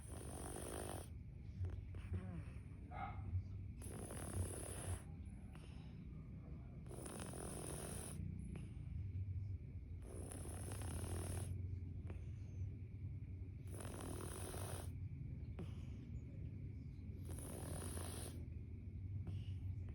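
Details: Slow, regular snoring, about six breaths in twenty seconds, with rough noisy breath sounds over steady room hum, from a cat lover's recording; snoring.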